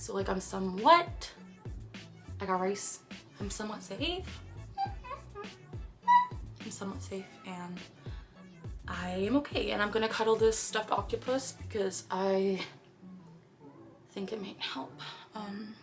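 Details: Girl with Tourette syndrome during a painful tic attack, with repetitive phrase tics. Vocal tics (Tourette syndrome).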